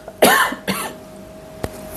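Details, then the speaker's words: Cough from an adult speaker who says they are on medication for the cough: cough heard during talking. "Excuse me for my cough. I'm on medication, but it's going to take a few days. So just bear with me, okay?"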